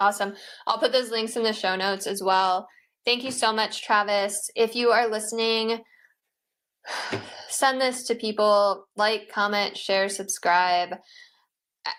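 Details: Adult woman speaking; Normal speech.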